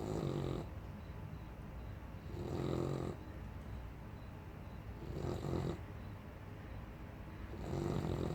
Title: For a 12 week old puppy he sure snores loud.